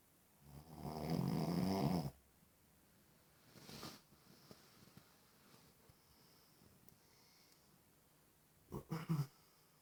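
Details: A loud rough snore, then a quieter snorting breath and a short burst of snorts, with gaps of quiet breathing, from a person who had fallen asleep: snoring.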